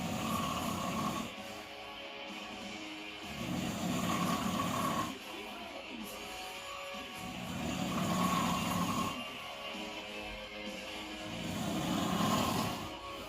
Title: OMG CUZN SNORING